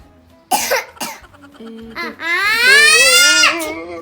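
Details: 4-year-old school boy with fever and cough gives two short harsh coughs, then a long high-pitched wailing cry.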